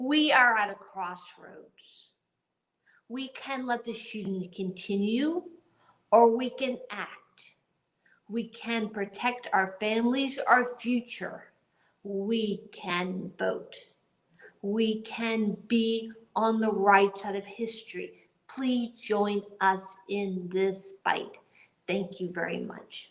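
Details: Aphasia in an adult woman 10 years after a gunshot wound to the head in the 2011 Tucson shooting, also with paralysis; delivering a prepared speech, she reports struggling to speak and find words.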